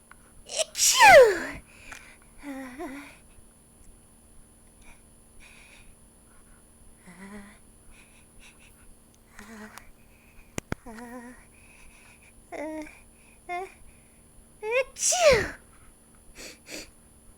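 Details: Simulated sneezes acted in a small mouse-character voice: two loud high-pitched sneezes with squeaky build-up gasps between them.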